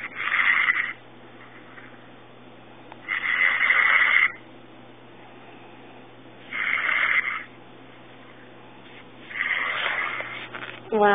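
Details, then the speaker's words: Girlfriend asleep on the phone around 1 a.m., loud harsh snores about every three seconds, thin and tinny through the phone line: heavy snoring during sleep. "You hear that? That's my girlfriend on the phone snoring."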